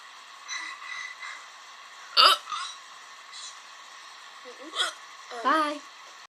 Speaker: guys, this is the freeway hiccup. I think they've gone. Bad on for like 10 minutes.